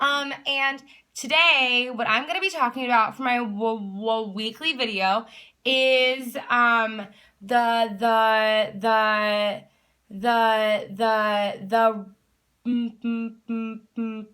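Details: Adult woman who stutters, herself a speech-language pathologist, with a word repetition; stuttering.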